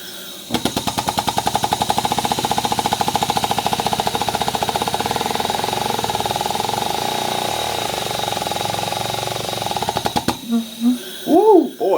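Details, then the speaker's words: Vortran Percussive Neb turned to its hardest setting and tried by a respiratory therapist on himself: rapid, sharp, steady mechanical pulsing with hissing airflow for about ten seconds, then stopping. These are fast percussive breaths meant to loosen airway mucus. "so alright so I put it all the way to the hardest one and it really literally hits you"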